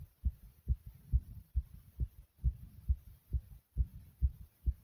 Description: I did a couple of different exercises to make my heart beat this loud and aggressively.